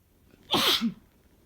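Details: Adult man's allergy sneeze: single sharp, loud sneeze with a brief in-breath before and a short voiced tail after.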